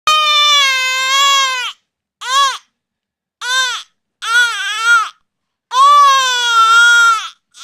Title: Baby Crying Sound Effect ctto